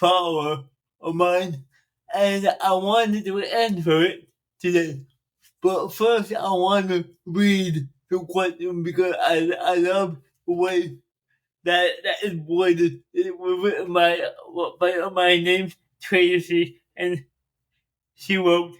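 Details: Adult man, 42, with dysarthria from cerebral palsy present since birth, which he says affects his speech; he makes extra effort to enunciate and speak louder and more slowly for recordings.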